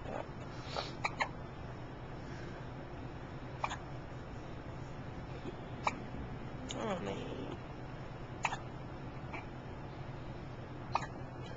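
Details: Hiccups recorded October 27, 2008: short, sharp hiccup sounds at irregular intervals, roughly six over eleven seconds, against quiet room noise; ordinary hiccups.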